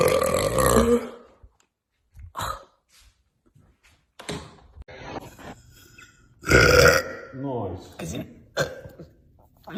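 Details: A woman's several long, deep, rumbling belches separated by pauses and faint voice sounds, from a compilation of deep burps; repeated burping.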